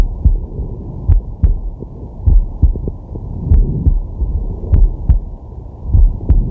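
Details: Heartbeat ASMR recorded with a digital stethoscope on a resting man's chest: steady low lub-dub at about 50 a minute with soft breathing behind it; normal heart sounds.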